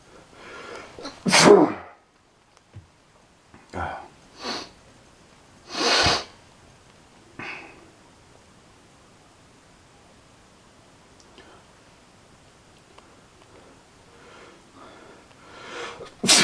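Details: Crazy heavy sneezing: a run of forceful, explosive sneezes with sharp inhalations and pauses between them, recorded as ASMR.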